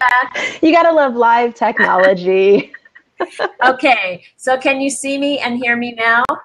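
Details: Adult woman; normal speech.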